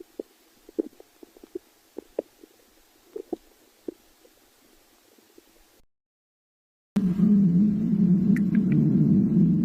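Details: Stomach growling (borborygmi).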